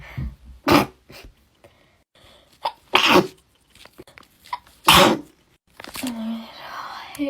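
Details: Girl during a Covid-19 nasal swab test: three sharp, explosive sneezes in a row, brought on by the swab, followed by a brief gagging sound.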